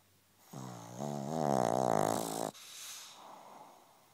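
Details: Pug snoring: one long, rattling, vibrating snore rising in loudness, followed by a softer breath out.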